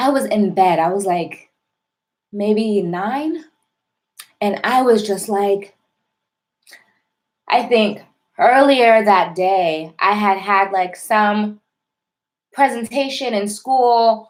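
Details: Adult woman with a self-described severe, overt stutter with heavy blocking since childhood, still present now: stuttering.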